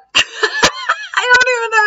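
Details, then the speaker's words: Adult imitating a sudden, dramatic involuntary gasping intake of air, likened to a pterodactyl: squeaky, strained, screechy voiced bursts; attributes it to a self-suspected horsehair worm parasite in the digestive tract, previously more hiccup-like. "it sounds like a pterodactyl I don't know how many other way to describe it but I get so much when they're burrowing in and out of the digestive tract when I've eaten something that they don't like"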